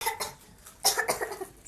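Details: A child with a cough that worsens badly: a run of short, harsh coughs in quick succession.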